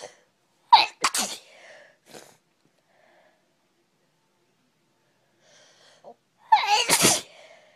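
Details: A girl sneezing in two bursts, each with a sharp intake before it, separated by a quiet pause; sneezing.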